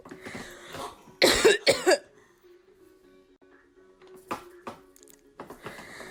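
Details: 29-year-old mother coughing behind her almost two-year-old daughter: several short, dry voluntary coughs, two loud and a couple softer, over quiet background music; cough.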